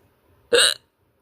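A single sharp, abrupt voiced gulp, brief and forceful; a hiccup.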